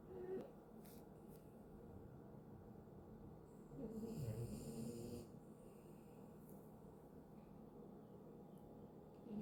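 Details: Chihuahua dog in deep sleep: soft, rough snoring with a louder nasal snore burst near the middle over quiet room noise; snoring.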